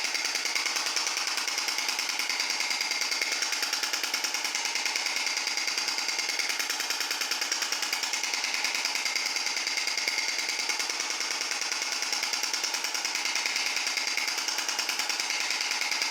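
Steady, rapid mechanical tapping at about 146 pulses a minute, hissy and monotonous: a shock wave therapy device at work.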